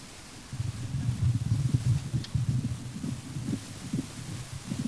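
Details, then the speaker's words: Fast heart sounds with a soft ejection murmur and a fixed split second heart sound, typical of an atrial septal defect, played during a paediatric cardiology lecture. "Donc c'est le dédoublement du deuxième bruit qui est fixe. Donc, ça c'est le truc le plus facile, c'est CIA."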